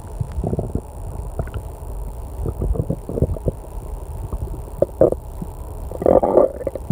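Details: Stomach growling during online testing in a quiet room with clock and air conditioner: gurgling, bubbling rumbles in irregular bursts over steady room hum; borborygmi.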